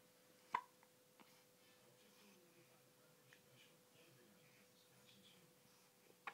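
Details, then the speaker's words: Two brief, sharp hiccups about six seconds apart in a quiet room from a young girl who gets hiccups about twice a day. "Poor kid. I think she gets the hiccups like twice a day."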